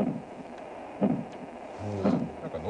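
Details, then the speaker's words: Muffled, low whooshing sound with two soft surges about a second apart, recorded inside the womb and played from a speaker in a plush toy; not a specific mother's heartbeat; intrauterine sound. "これでもそのお母さんの新ってわけじゃないそういうわけではなくてこれはんとなくこういう響きそうでもこれま子宮の中で取った音なんだそうなんですけど"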